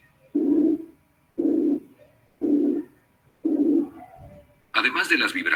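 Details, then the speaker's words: Simulated murmur built from a narrow band of frequencies around 360 cycles, reinforced with a pure 360-cycle tone, giving a musical timbre; simulated narrow-band murmur. "pueden ser algo musicales debido al predominio de una frecuencia. Si superpongo la nota pura de 360 de frecuencia sobre la banda congregada alrededor de los 360 ciclos, refuerzo la frecuencia de 360 y el soplo tiende a adquirir un timbre musical."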